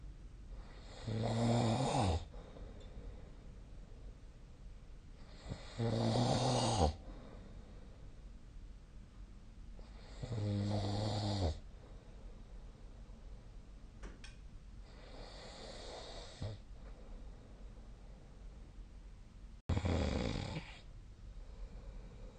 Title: 🐽 本日のイビキ / Snoring Sleep Sound 2025/02/19